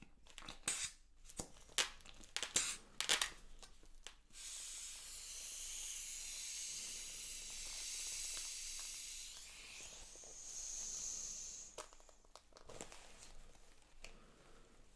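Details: Simulated ASMR roleplay of a first midwife booking check-up in pregnancy: Velcro tearing and clicks, then a steady air hiss as the blood pressure cuff deflates.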